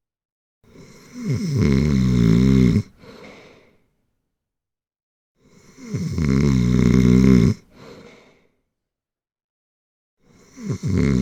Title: Snore. Snoring. Sound snoring. Prank over friends